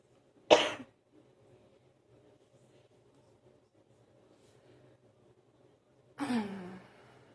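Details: Two separate coughs, the second with a rough throat-clearing quality, in a quiet room; a morning cough said to last about 45 minutes while bringing material up before clearing: cough.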